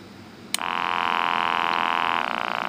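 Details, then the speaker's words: Wrist blood pressure monitor, battery powered, inflating on a man with known high blood pressure who takes medication, reading 158/111 after moving about with arm unsupported: click, then steady buzzing pump whine with slight tone change near end. "there's batteries in it it's somehow makes it fill up with air and squeeze my wrist I know it sounds rude at first then it sounds like a cat cing"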